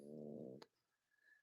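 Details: Boston Terrier born October 2019, asleep during a late-night livestream and snoring: a low, rattling, vibrating breath of about half a second, then a click and quiet. Ordinary canine snoring.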